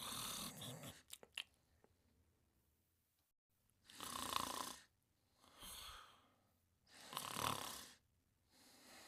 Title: The New World of Fafa and Friends: Fafa's Dog Sleeping and Snoring in 44 seconds